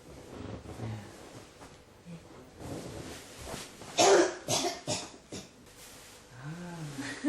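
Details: Persistent cough: a run of about four harsh cough bursts in quick succession, with throat noises and quiet room sound between.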